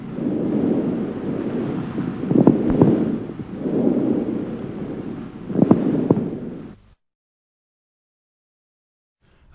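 Two loud breathing cycles with low, bubbling, popping sounds mixed into each breath over harsh bronchovesicular breath sounds: coarse moist crackles.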